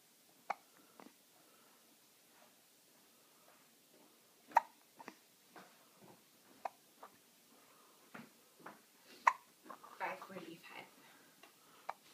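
Short, sharp, irregularly spaced gulping clicks, about a dozen a minute, in a quiet room: hiccups.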